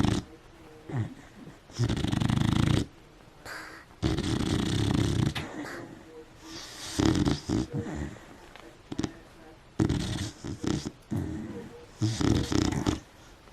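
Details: Beagle asleep after nosing the covers around, filmed in poor lighting: loud, irregular snorting and rumbling breaths with bursts of snuffling; dog snoring.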